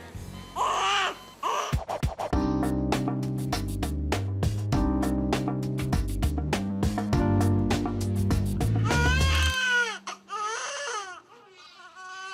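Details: Newborn girl just delivered by C-section, 9 lb 13 oz, too big for vaginal birth; loud high-pitched vigorous crying partly covered by music, lungs unaffected by the cesarean; newborn cry.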